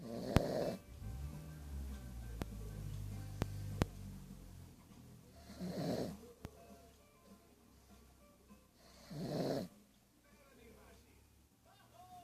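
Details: Sleeping pug (small flat-faced dog) snoring: three low, rattling snores on inhalation, about one every three to four seconds, with faint room sounds between.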